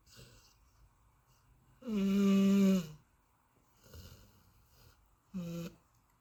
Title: My Golden Retriever deep sleep snoring #dogsnores #dogsleeping